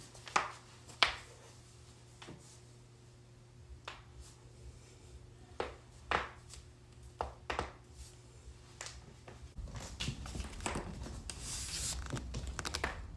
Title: joint cracking compilation